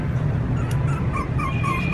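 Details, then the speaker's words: Puppy, said to have stomach pain, gives thin, high whimpering cries over low background rumble, a distressed cry; puppy whimpering in pain. "t sẽ hướng dẫn các bạn cách nhận biết tiếng kêu của chó tiếng kêu như vậy đó là chó Nó nói là đau quá"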